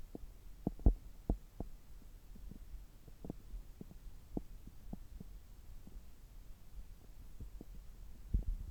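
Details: Stethoscope on an adult's abdomen about three hours after a meal: low rumbling with scattered soft clicks and gurgles over a steady hum, normal bowel sounds of an active gut.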